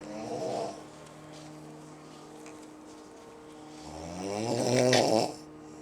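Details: Mother-in-law snoring at 5:05 while family tries to sleep on vacation: two loud, buzzing snores with a quiet pause between, over a steady background hum; described as a racket keeping others awake.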